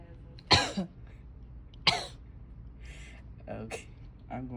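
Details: Simulated nasotracheal suctioning of a 50-year-old man after pneumonia, coarse breath sounds, thick green secretions, weak cough, on nasal cannula, suction at 120: two short, sharp cough bursts with faint throat sounds as the catheter is advanced.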